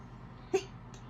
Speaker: yeah he's got the hiccups too oh goodness hicup hicup is that funny